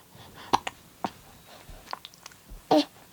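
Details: Baby girl, described as both almost 3 weeks and almost 3 months old: several brief, abrupt catches spaced irregularly in a quiet room; infant hiccups.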